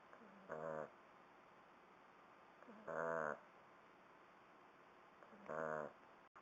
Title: Snoring Shar Pei puppy